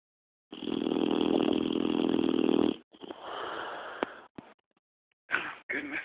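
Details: Boxer dog snoring: a long, buzzy, fluttering breath of about two seconds, then softer noisy breathing and sniffs.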